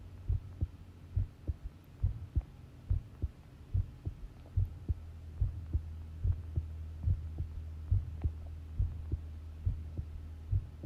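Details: Long heart sound recording of a pounding heartbeat: regular low thumping at about 70 beats per minute over a steady low hum; normal heart sounds.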